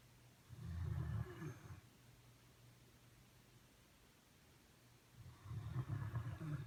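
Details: Pet in deep sleep on its owner's foot, described as snoring and dreaming: two low, rumbling breath sounds several seconds apart over faint room noise, soft snoring.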